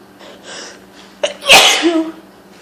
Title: 15 loud sneezes from hayfever...